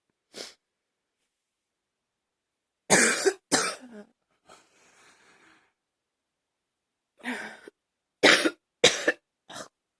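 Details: Repeated dry, sharp coughs, about eight over ten seconds, in short clusters separated by silence; coughing.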